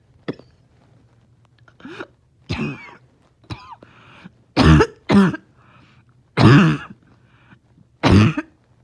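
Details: A dog in the morning, finding it hard to rest, gives a harsh, honking cough in short bursts, with a rough, wheezy quality between some efforts; harsh barking cough.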